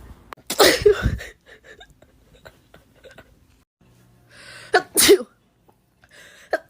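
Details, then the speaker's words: Adult with COVID sneezing twice, self-recorded; the person thinks they have been sneezing in threes. "got COVID and tried to record when I sneeze. Two. I have COVID."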